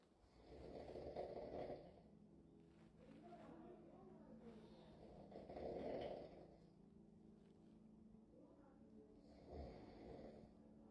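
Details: Loud, rough snores with each in-breath, about three in eleven seconds, in a quiet room; ordinary heavy snoring.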